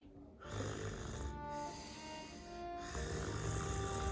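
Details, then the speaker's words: Acted snoring in a comedy skit about a brother snoring: rough, low, rattling sleep-breathing sounds in a few bursts, with music playing over them. "هذا شلون بيه بس يشخر علي"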